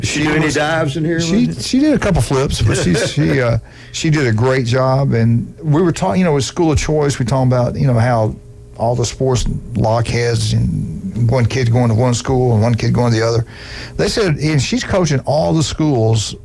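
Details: Adult male speaker; normal speech.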